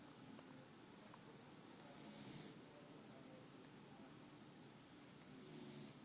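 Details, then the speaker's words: Rattling snores on the breath about every three and a half seconds, near 17 a minute, from a sleeping beagle; typical snoring. "Al, you're snoring."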